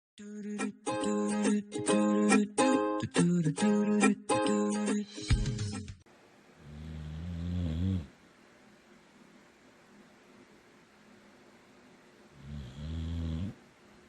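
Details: Ukulele music, then two slow, low, rumbling snores about eight seconds apart from a rescue Boxer dog napping.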